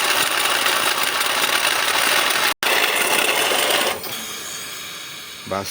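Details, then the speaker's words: Invacare Platinum 10-litre oxygen concentrator with about 1882-1887 hours, running: loud harsh rattling grind from the pneumatic compressor, easing after a few seconds; apparent faulty compressor bearings, compressor replaced. "desagradable este sonido ese sonido proviene de este elemento que es un compresor neumático obviamente para hacer nuestra O Nuestro proceso de separación"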